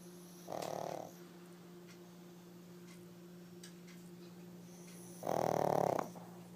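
Two short, nasal, rattling snores a few seconds apart from a sleeping small flat-faced dog, with a faint steady hum behind.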